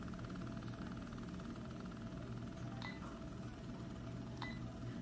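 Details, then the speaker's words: Smart infusion pump being programmed for a 40 mg propofol bolus (1000 mg/100 ml) during continuous infusion for a 100 kg post-intubation patient: two short electronic keypad beeps over room hum; normal device feedback. "so first thing i'm going to do is i'm going to hit bolus function located in the left corner and i'm going to then need to put in the desired amount"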